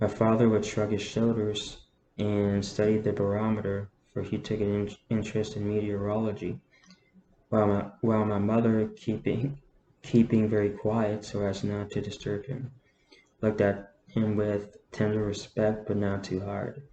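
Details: Adult man with a self-reported stutter, reading a novel aloud; he says he stutters less when reading. Word and phrase repetitions heard. Stuttering.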